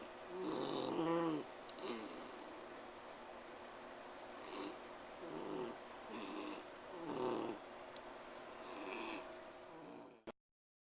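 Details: Slow, regular noisy breaths with a whistling, snoring edge on each breath, a few breaths over ten seconds, while Bogey tries to sleep; wheezing during sleep.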